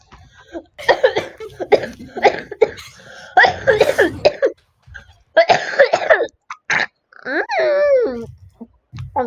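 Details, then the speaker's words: Children deliberately coughing loudly for fun while recording a Royal High video: several loud, forced coughs and throat-clearing noises, then a drawn-out vocal groan. "coughing that's what I'm into doing this video I'm ending this video violent violent coughing"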